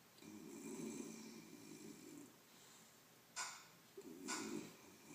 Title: Funny Snoring dog Blu